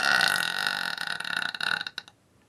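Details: Burping contest with friends: one long, loud, rumbling burp fading over about two seconds.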